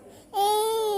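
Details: Young child unwell with a cough and cold (runny nose): brief high-pitched whimpering cry, before being given steam inhalation.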